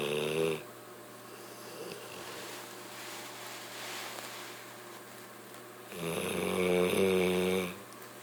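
Loud rattling snore on the in-breath with a quiet breath out between, from a sleeping bulldog in a quiet room.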